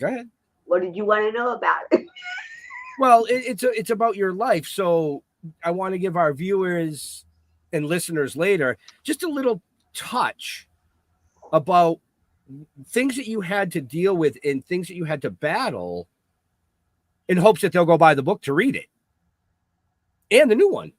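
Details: Adult speaker; normal speech.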